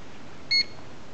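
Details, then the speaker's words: Wet-circuit ventilator setup: pressing the heated humidifier on/off button, invasive mode selected, warming from 23 toward 39 degrees; single short electronic beep over quiet room noise as the humidifier powers on. "and then it tells you to turn on the humidify onof button you want to press"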